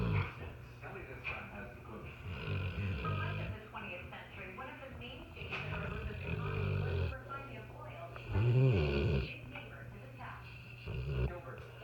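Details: Sleeping Mastiff dog at night: loud, deep, rumbling snores in long drawn-out waves, with faint room noise; ordinary snoring.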